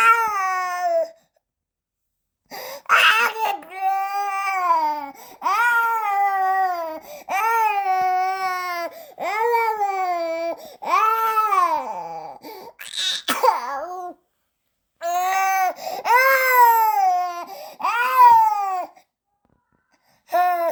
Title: Baby Crying Sound Effect for 90 Seconds | Soothing, Realistic Newborn Cry Audio